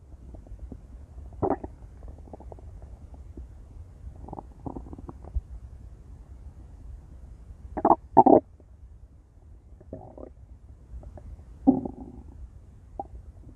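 Low gurgles and several sharp squelching growls over quiet background; loud stomach growling (borborygmi).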